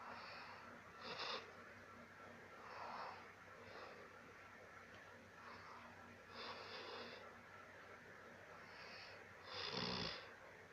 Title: funny video snoring Dangerous like ravan